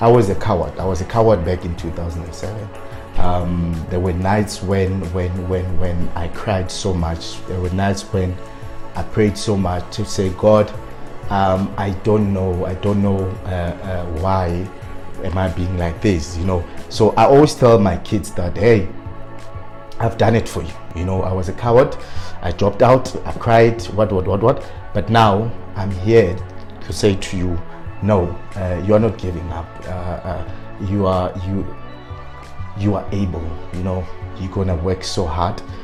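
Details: Adult man with stuttering who self-coached to work on his fluency but still stutters on certain words; stuttering.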